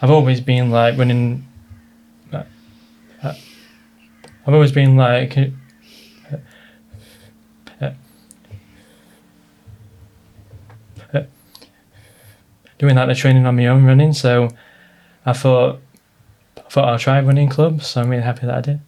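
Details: Adult man with a stammer since childhood, treated with speech therapy, worsened by stress and nerves; stuttering (stammer).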